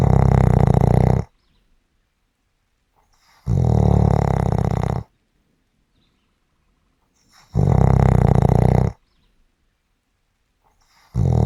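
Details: Loud, deep, rattling sleep snores about every four seconds, roughly 15 a minute, with silence between.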